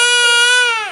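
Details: Baby's single sustained, clear, high-pitched wail trailing off at the end, crying when pizza is taken away; ordinary infant cry.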